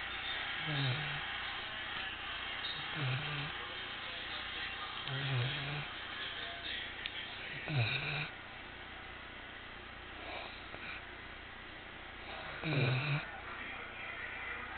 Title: Abel the Goldendoodle snores while sleeping